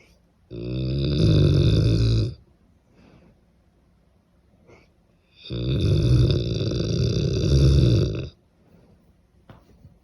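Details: Cane Corso dog snoring loudly while asleep: two long, loud, rumbling snores with quiet pauses between; snoring.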